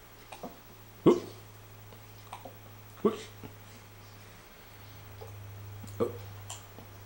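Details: A person has sharp, brief hiccup-like jolts about every two to three seconds, roughly 30 a minute, over a steady background hum: hiccups.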